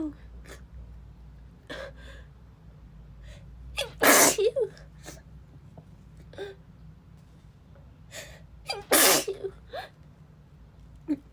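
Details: Female with a cold: two sharp, forceful sneezes with soft breathy sounds and sniffles between, continuing even while blowing her nose, in a quiet room; repeated sneezing.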